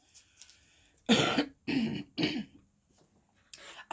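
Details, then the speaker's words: Adult attributing cough to blossom allergies, not illness; three short, harsh cough-like throat-clearing bursts then a softer fourth beginning; cough and throat clearing. "sorry I keep coughing you guys I'm not sick all of the blossoms around our house are blooming and my allergies huh they have been horrible so I'm sorry if you know I keep coughing and clearing my throat"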